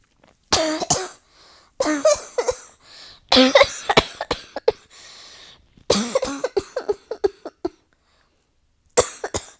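Repeated bursts of harsh coughing in rapid clusters with brief wheezy in-breaths between them, a continuous coughing fit.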